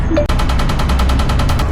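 Rapid, regular loud snapping pops from a tattoo removal laser firing repeated pulses, about eight to ten per second.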